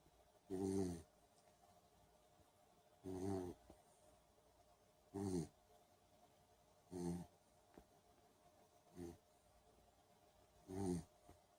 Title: Snores